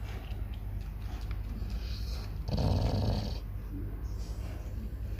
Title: CHOW CHOW SNORING